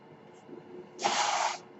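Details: The speaker's own ventilator, running during his podcast: after a quiet lull, a short airy hiss of about half a second that fades as it delivers a breath; mechanical ventilator breath cycle.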